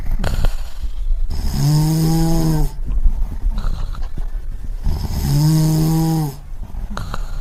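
Two deep, rumbling, drawn-out snores with a groaning tone, against steady background noise; loud snoring.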